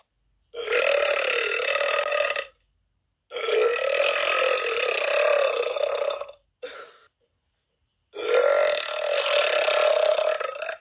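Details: Three long, loud, voiced belches of about two seconds each with a short one between, separated by silence; repeated burping.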